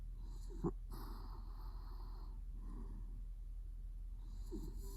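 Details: Sleeping adult male snoring: a few soft, wheezy snoring breaths with a brief snort, over a steady low hum.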